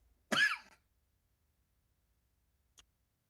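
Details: A single short, voiced cough with a throat-clearing quality from an adult podcast host, followed by quiet: clearing the airway after choking.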